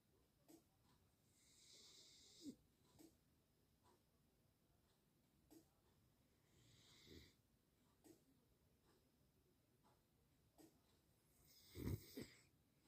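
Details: A dog, tagged both beagle and labrador, snoring: soft breaths with faint whistly, wheezy tones and a few small snorts.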